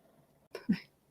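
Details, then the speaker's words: Small 16-pound dog snoring in the background: two brief snorting breath noises over faint room hum. "my dog i don't normally have one of the dogs in here but she's snoring and it's adorable she's only 16 pounds of her snores really oh my gosh you may hear that in the background"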